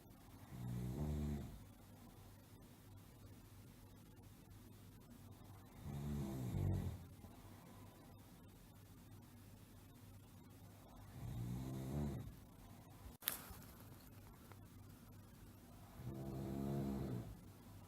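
Soft, rumbling snores about 11 times a minute over steady background hiss, from a sound-effect recording.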